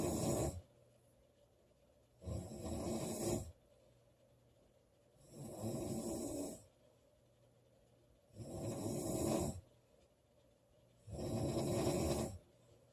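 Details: Loud girl snoring: rough snores on each inhalation, about 21 breaths a minute, with quiet pauses between.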